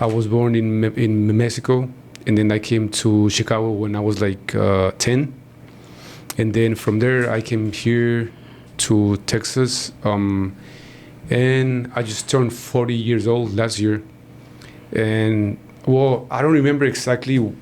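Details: Man in his 40s who stutters, onset noticed around age five or six; his father also stutters and he believes it runs in the family; stuttering.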